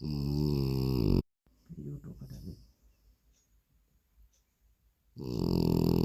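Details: French Bulldog sleeping: soft snuffling, snorting breaths of a flat-faced dog, with loud music at start and end; snoring.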